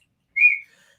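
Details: Adult man with Tourette syndrome, making involuntary whistling sounds as vocal tics. Whistling vocal tic.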